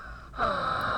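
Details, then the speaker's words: Chest auscultation: musical, multi-toned whistling beginning partway through the breath, the polyphonic wheeze of bronchospasm with differing airway narrowing, as can occur in COPD. "mesmo broncoespasmo e os polifônicos têm diferentes broncoespasmos Como pode ocorrer no DPOC né"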